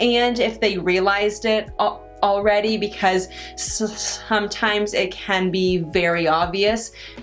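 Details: Adult woman with stuttering, which she says varies with her stress and anxiety; stuttering.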